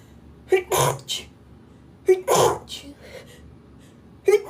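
Three sneezes, each a short in-breath followed by an explosive burst, about two seconds apart.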